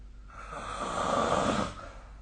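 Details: Snoring during sleep recorded with the SnoreLab snoring app: a single long, harsh, rasping snore swells and fades over about a second and a half against faint room noise.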